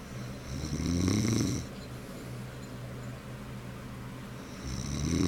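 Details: Adult man, a father, snoring in sleep: loud, rough, rattling snore on the in-breath, a quieter pause, then the next snore starting.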